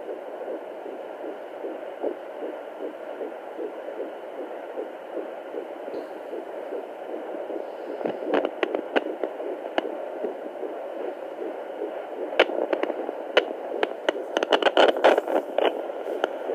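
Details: Fetal heartbeat at 14 weeks pregnant: rapid, rhythmic whooshing pulses, faster than an adult's, with scattered probe clicks.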